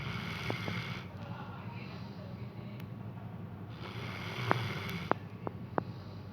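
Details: A sleeping dog snoring in soft, rough breaths over a steady low background hum.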